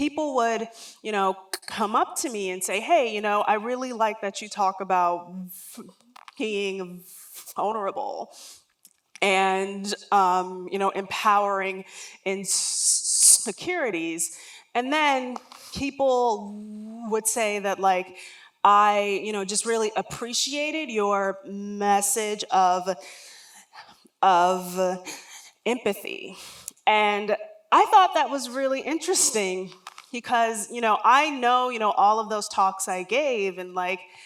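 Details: Adult woman with self-described lifelong stuttering, real stuttering heard during a public talk.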